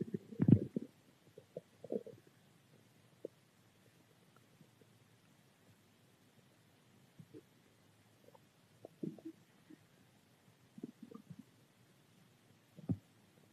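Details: Stomach growling: quiet irregular gurgles and rumbles, strongest at the start; ordinary borborygmi from gas and fluid moving through the gut.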